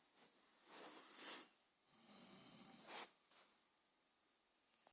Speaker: wonder who's snoring.